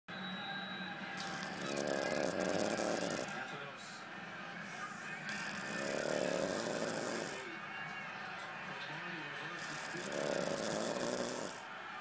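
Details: Loud snoring after a long night, described as like a dog's: rhythmic, about three breaths in twelve seconds, each inhalation a long rattling rasp, over steady background noise.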